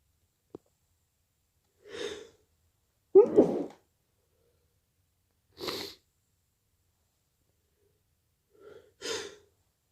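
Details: Induced sneezes while slightly drunk, with a nose blow at the end: a short inward breath, then three or four quick explosive sneezes with brief pauses in a quiet room.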